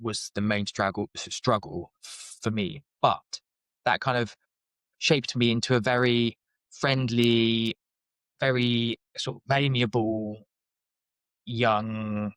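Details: Adult man with a lifelong speech stammer, which he describes as blocks and repetitions and as not too severe; stuttering.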